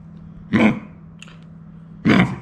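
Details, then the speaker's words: A yellow Labrador puppy vaccinated against kennel cough gives two harsh, hacking coughs during a night episode the owners first mistook for vomiting. A vet diagnosed probable kennel cough. "the vet told us that it was probably coughing not vomiting this is something called kennel cough"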